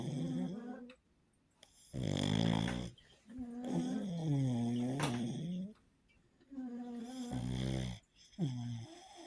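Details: Sleeping pug dog: loud, rattling, wavering snores and snorts with whistling pitch, about one every three seconds, with background music. Snoring.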